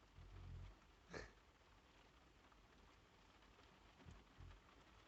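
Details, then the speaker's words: Sleeping dog snoring in a van during a thunderstorm: low, rumbling snore bursts under steady rain, with a brief sharp noise between them. "The dog has been snoring like crazy too, but that's not as bad."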